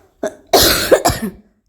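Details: Adult woman with an ongoing cough and badly sore throat, who bought medicine from a pharmacy: a short throat sound, then two harsh, forceful cough bursts in quick succession.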